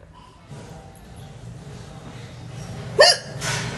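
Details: Woman (Indian) with a single sharp, abrupt hiccup breaking through steady background noise near the end; hiccup.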